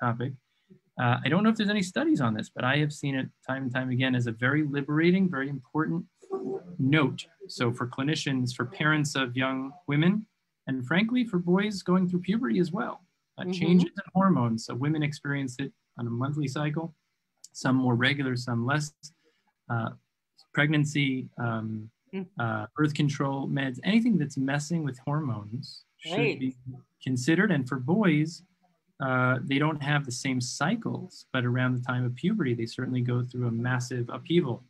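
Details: Adult speaker; ordinary speech.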